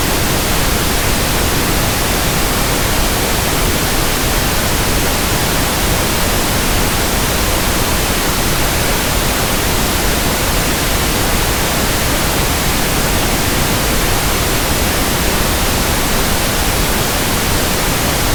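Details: Simulated pink noise for tinnitus sound matching and frequency testing: a steady, soft, even hiss with no breaks, for comparing with persistent background tinnitus.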